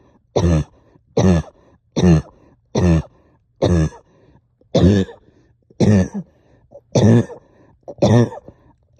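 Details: Productive cough while up all night, with heavy chest, headache and stubborn sticky phlegm: nine deep, heavy, wet, rattly cough bursts over about nine seconds, roughly one per second.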